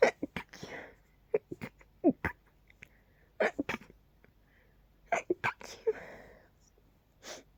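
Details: Night-time sneezes from a nose tickle, deliberately pinched to stay quiet: several short sharp stifled bursts with quick breaths between. Repeated suppressed sneezing.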